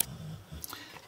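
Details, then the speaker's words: Someone in the room snoring, possibly a dog: a brief, soft, low rumble in a quiet small room. "vous entendez quelqu'un ronflé c'est"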